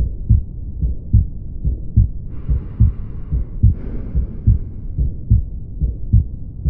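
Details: Aortic valve stenosis: a regular heartbeat at about 71 per minute with a rough whooshing murmur between beats, produced by a stenotic aortic valve.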